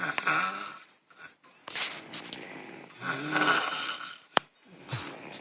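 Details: Snoring, like mother like son: two loud, rattling snores on breathing in, separated by quiet exhalations.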